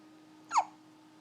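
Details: Hiccuping at 3 a.m. after a meal: a single short, sharp hiccup against a steady background hum; hiccup.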